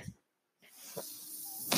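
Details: The speaker's own mechanical ventilator, heard while he talks on a podcast, delivering a breath.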